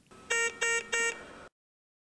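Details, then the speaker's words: Yellow LED on an Avea critical care ventilator signifies a medium- or low-priority alarm, accompanied by a three-tone audible alarm: three evenly spaced tonal beeps. "yellow signifies a medium or low priority alarm and is associated with a three-tone audible alarm"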